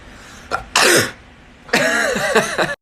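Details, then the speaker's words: Person tries to sneeze with eyes open: brief catch of breath, then a single sharp, explosive sneeze, followed by laughter. "okay so I just saw my 4u pager girl was sticking a q-tip up her nose to see if she could sneeze with her eyes open and I wanted to try so here we go"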